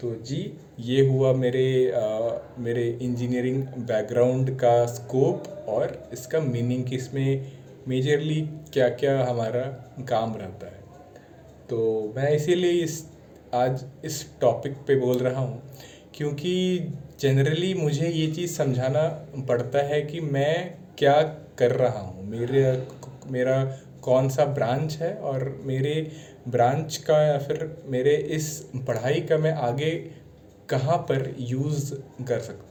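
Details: Adult man speaking Hindi while standing, on day 5 of a stammering-practice challenge, with sound repetition heard; stuttering.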